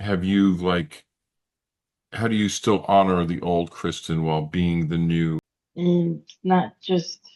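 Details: Adult male speaker, with a brief second voice; typical speech.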